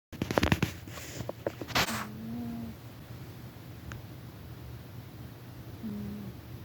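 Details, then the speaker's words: Sleeping pet cat gives soft, low, droning snores about four seconds apart after early handling clicks: snoring. "That's my cat, Rufus, snoring."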